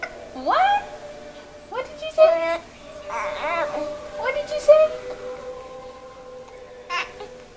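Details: Short bursts of high-pitched infant yelling and crying with hiccups, with babbling between them in a quiet room.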